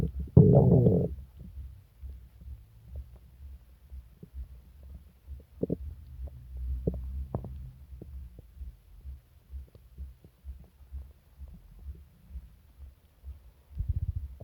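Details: Stomach rumbling (borborygmi) during an upset stomach with several days of pain, diarrhea and nausea: loud gurgling bursts at the start and near the end, with soft pops and low rumbles between.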